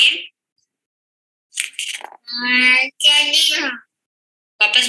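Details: Flaccid dysarthria in a seven-year-old girl, with difficulty sequencing sounds.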